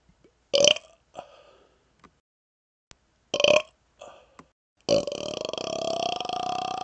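Several short, loud burps in a row, ending in one long, drawn-out belch.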